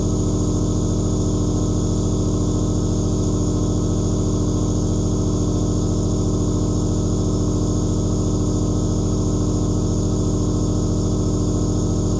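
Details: Nebulizer compressor running continuously: a steady droning motor hum with a fast, even buzz, recorded as aerosol white noise.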